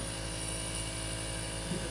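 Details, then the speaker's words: Child's nebulizer breathing treatment: steady, low mechanical hum with a constant buzz from the nebulizer compressor running. "Poor kid. The Casi in her nebulizer."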